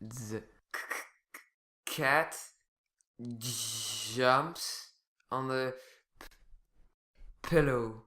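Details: Stuttering in a person who stutters sometimes, with sound repetitions, prolongations and complete blocks, described as losing control when talking.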